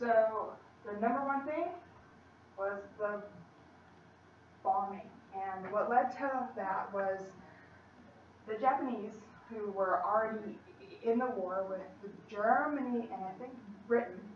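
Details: Female college student who stutters, giving a practice presentation to 10-15 people at her speech therapy clinic; stutters more before unfamiliar people or large audiences, sometimes struggles to use her speech technique, tries not to substitute or avoid words; stuttering.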